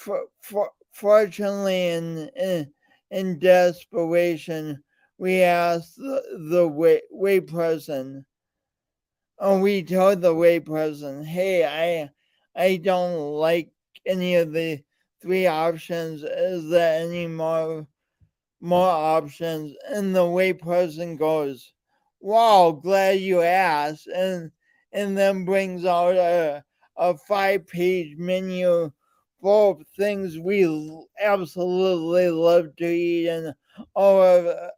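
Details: Man with a speech impediment and coordination differences present since birth, still ongoing; speech impediment (disfluent speech).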